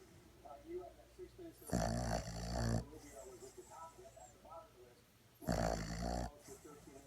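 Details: Four-month-old Boston terrier puppy in deep sleep, two loud, rough, low snoring breaths with quieter breathing between; snoring.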